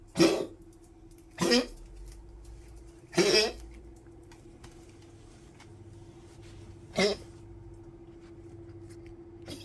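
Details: Old Poodle woken at night by coughing, then drinking water on weak legs: four short, harsh coughing bursts spaced irregularly over about ten seconds in a quiet room with a steady low hum: cough.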